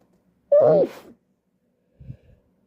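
One sharp voiced sneeze with a short breathy tail, then a faint sniff; a single sneeze.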